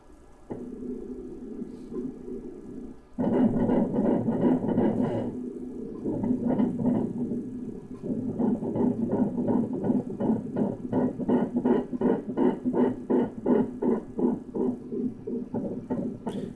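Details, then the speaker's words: Fetal heartbeat on ultrasound Doppler at a prenatal visit: rapid, regular whooshing pulses about 160 per minute with movement noise; rate noted to have slowed somewhat. "선생님 심장소리 한 번만 들려주면 안 돼요?"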